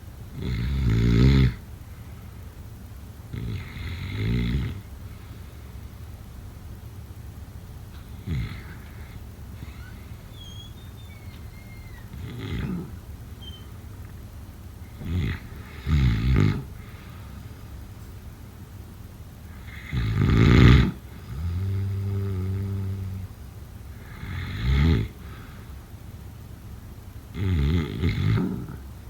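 Loud, rattling low-pitched snores recur during sleep, about 14 a minute with irregular spacing.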